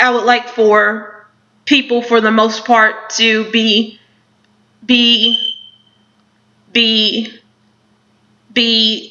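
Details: Speaker who stutters; stuttering with part-word and word repetitions.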